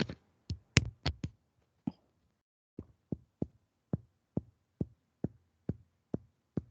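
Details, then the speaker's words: Dull percussion note: short, flat, thudding taps as the instructor percusses her own sternum during an online semiology class demonstration; the normal dull sound over bone. "¿Oyen? Sí, mate Sí, sería se ahí. escucha, ese es Sí. mate. Va, ese es mi hueso, ¿sí?"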